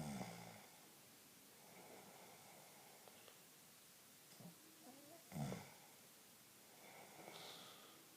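Two slow, rough, low breathing sounds about five seconds apart, with a snort between them, in a quiet room: snoring.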